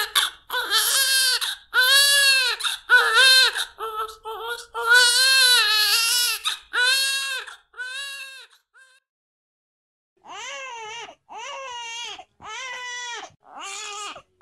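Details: Repeated high-pitched newborn cries in short bursts with brief pauses, then quieter, more regular wails; newborn cry.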